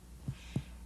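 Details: Two soft, low, thudding percussion taps with little resonance over the spleen during the abdominal part of a head-to-toe physical assessment; splenic dullness, an expected normal finding.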